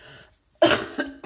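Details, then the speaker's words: Adult woman with chest congestion, sputum impossible to bring up, just before nebulizer inhalation: single harsh, forceful, rough congested cough after a brief pause; cough with chest congestion. "вот сейчас у меня тоже я уже а закладывает и невозможно ни от харкнуть ничего вот оно здесь вот здесь стоит"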